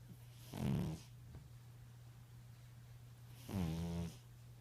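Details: Snoring in a sleeping tabby cat: two soft, buzzy snores about three seconds apart over a steady low room hum.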